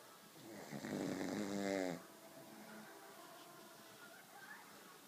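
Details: Dog asleep on a couch: one loud, rattling snore on a drawn-in breath, then quieter breathing with low room noise.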